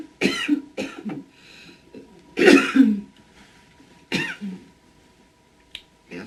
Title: coughing actresses 1